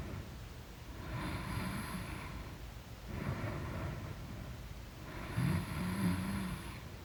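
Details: Three loud, rumbling snores in deep sleep, each about a second on the in-breath, separated by quieter breathing.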